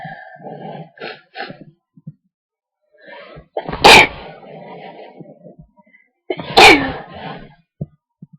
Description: An induced sneezing fit.